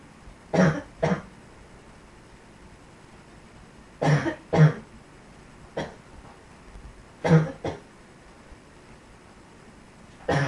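Repeated coughs, mostly in pairs, about eight over ten seconds, low and throaty, in a quiet room.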